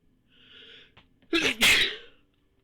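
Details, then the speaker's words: Soft breathy intake, then a loud explosive sneeze in two quick bursts. "Oh, and our last one was assisted by the photic reflex."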